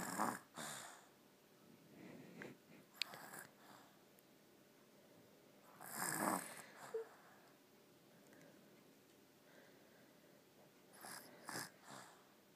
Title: cute snore